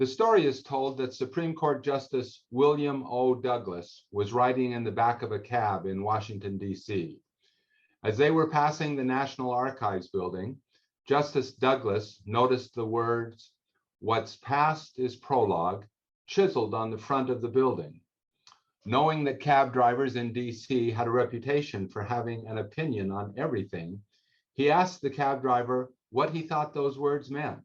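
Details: Adult male speaker; normal speech.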